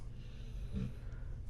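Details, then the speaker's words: A sleeping dog snoring in the background of a quiet room, picked up by a sensitive microphone: a faint low rumble with one brief snorting breath. "if you hear that sound in the background that's my dog snoring you might be hearing that it's a very uh sensitive microphone"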